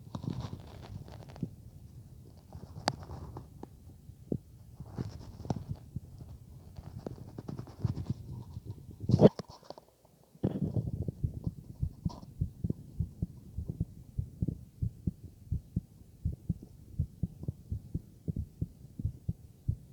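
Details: Stethoscope recording with scraping and rumbling noise, then steady regular low heart thumps: normal heart sounds on heart auscultation, recorded alongside stomach sounds.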